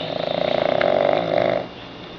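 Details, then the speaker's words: Pug sound asleep on his back on his owner's chest on a couch, with a single rattling, fluttering snore during one breath in; it is unclear whether the man or the pug is snoring, maybe both. "Can't tell who's snoring, the man or the pug dog. You cannot tell, man or pug dog. Sound asleep on the couch, man and pug dog. Maybe they're both snoring simultaneously."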